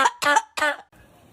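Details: Three quick, harsh cough bursts from a small pet monkey in a quiet room, coughing thought to be caused by air conditioning; cough.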